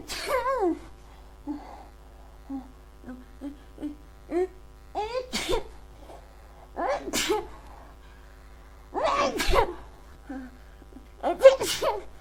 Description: I don't know why I keep sneezing... Is it a cold or my allergies?